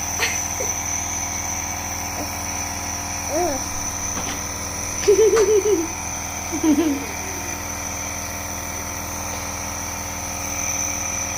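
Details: Steady mechanical hum of a nebulizer compressor running throughout, with a few brief voiced sounds, during a person's nebulization for cold, fever and cough.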